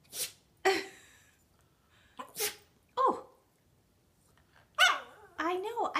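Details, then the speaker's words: Yorkie dog named in video sneezing three times in quick succession with owner talking between sneezes; owner attributes repeated sneezing to allergies and itching, possibly triggered by looking at a light. "know why you're sneezing so much you got the allergies i know you gotta oh i know tell him to stop you've got the allergies"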